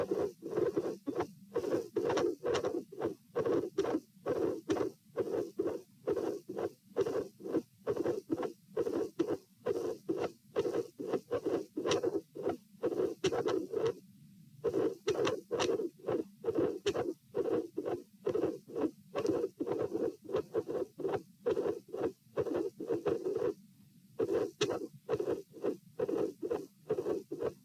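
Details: Heart sounds at pulmonary area, patient sitting, with dilated aortic root: irregular rhythm with premature atrial and ventricular contractions.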